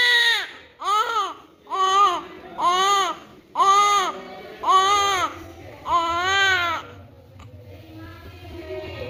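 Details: Newborn baby girl during vernix cleaning: loud, strong, rhythmic crying in repeated full bursts with breaths between; a vigorous, healthy newborn cry.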